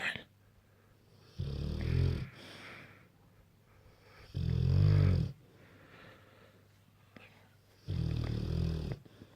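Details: Bullmastiffs asleep on the bed, one on the pillow, the other at the foot of the bed; owner says they snore loudly: deep, rattling snores in three long bursts of several seconds each, with quiet gaps between.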